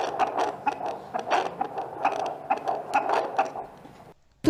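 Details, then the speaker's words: Midwife's antenatal care exam after Leopold maneuvers: fetal heartbeat on a handheld Doppler, heard as rapid swishing whoosh-like pulses at about 130 beats a minute, a normal fetal heart rate. "bidan memeriksa Detak jantung janin djj dengan Doppler"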